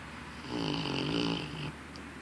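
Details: Sleeping puppy snoring: one rattling, low snore lasting just over a second, with a faint squeaky whistle.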